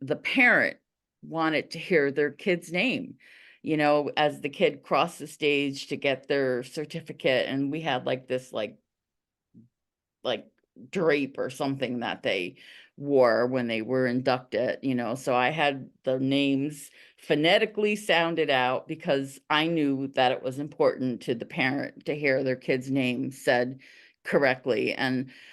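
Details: Adult teacher who stutters; stuttering.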